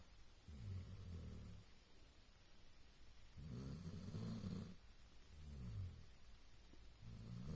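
Soft low rumbling snores in slow cycles, about three in eight seconds, over steady room hiss: snoring during sleep.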